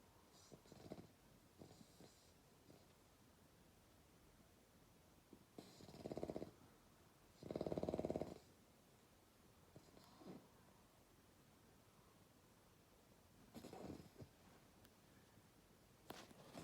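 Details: Sleeping baby bulldog snoring through the night: intermittent low, rattling snorts and snores in a quiet room, several louder rumbling breaths among softer ones; snoring.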